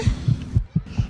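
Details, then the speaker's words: Heart sounds heard through a listening tube on the chest after a lot of walking: loud, quick paired beats at about 125 a minute; a fast heart rate after exercise, a normal response. "โอ้โหเสียงเต้นตุ๊กๆของหัวใจเราดังอยู่ตลอดเวลาเลยยิ่งถ้าเราเล่นเหนื่อยๆหัวใจของเราก็เต้นเร็วขึ"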